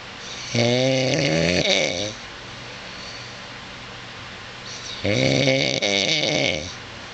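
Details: Husband snoring at 2:24 in the morning, wife suspects loud snoring he denies: two loud, rattling snores about four and a half seconds apart over steady room hiss.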